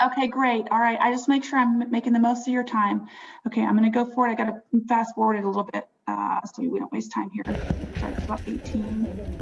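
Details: Adult woman speaking; normal speech.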